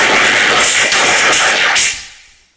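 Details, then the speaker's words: Simulation of how a person with a cochlear implant is thought to hear a spoken Spanish sentence: harsh, buzzy, hissing noise bursts with speech rhythm but no intelligible words. "la tarde y así es como los científicos creen que una persona oye esta misma frase con un implante coclear"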